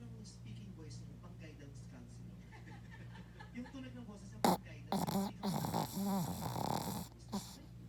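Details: Snoring: a low steady rumble, then a few loud rattling snore bursts near the end over room noise.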